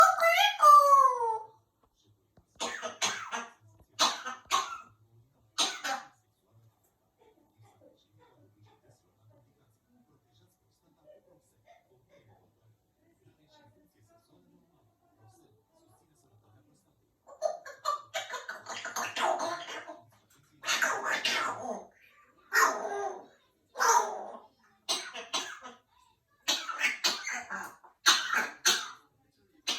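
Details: African grey parrot, not sick, gives a tonal whistle-like call then a string of short, sharp cough-like bursts imitating a human cough.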